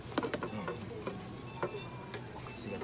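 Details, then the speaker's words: Faint, irregular clicking and gritty scraping over room noise from a sleeping four-toed hedgehog, aged 1 year 1 month, weighing 356 g, with gut flora imbalance, cardiomegaly, and protozoal infection, during a vet exam; teeth grinding during sleep. "ギリギリ歯ぎしりみたいな音してます。"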